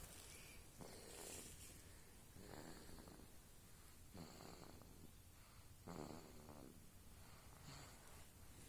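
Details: A one-month-old baby snoring while sleeping: soft, snorting snores with each breath, about 35 breaths a minute.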